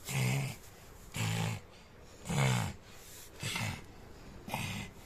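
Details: Three-year-old child acting out his dad's snoring: five rough, low imitated snorts at about one per second.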